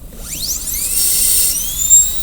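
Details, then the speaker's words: High-pitched whine rising as a high-speed dental handpiece spins up, then steady shrill cutting, extending a class II DO preparation on model tooth #5 toward the center of the proximal contact at the same pulpal floor level. "So step 3 is cut to the center of the contact on all 5. So here's the center of the contact."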